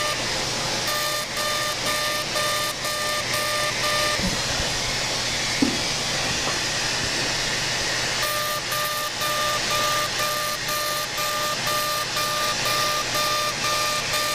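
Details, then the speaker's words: Steady hiss and hum with rapid beeps about two a second from a CO2 laser, 100 mJ, density 6, resurfacing the face up the midline near tattooed eyebrows during simultaneous facelift surgery. "we're going to do a pretty aggressive treatment here 100 millijoules and a density of six so we're going to start by just going right up the midline"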